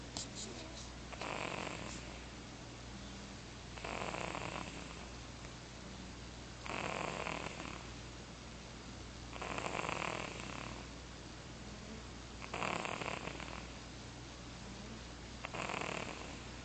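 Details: Rough, rattling snores at regular intervals, about 21 a minute, over a steady low background hum; ordinary snoring.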